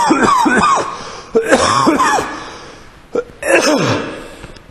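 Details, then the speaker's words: Three harsh, voiced cough bursts with brief pauses from an adult man, close to throat clearing. He says persistent coughing keeps interrupting his recording. "I mean I want to document the um mental health meeting yesterday and I can't do that cuz I keep coughing right so I've done this recording about 50 [ __ ] times so we're going to try again"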